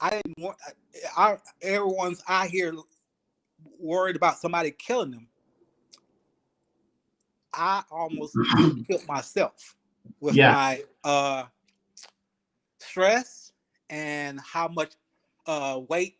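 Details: Aphasia after ischemic stroke in a 52-year-old male Army veteran, about 3 years post-stroke, still working on his speech; real patient.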